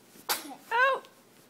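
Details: Baby boy sneezing repeatedly while being asked to wave and say hi: a single quick sneeze, a sharp burst of breath followed by a short voiced cry-like sound.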